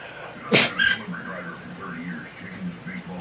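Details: Dog (Tulip, female) sneezing on command: one sharp, explosive sneeze, then a smaller second puff, with a person's voice in the background.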